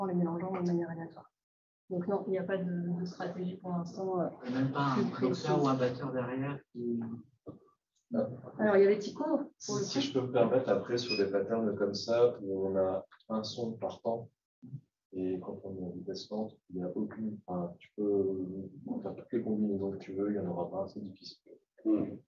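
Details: Ventricular (false) vocal fold phonation in a 68-year-old man with bilateral vocal fold immobility, trained after five sessions using only a beatbox app because true vocal fold vibration could not be restored.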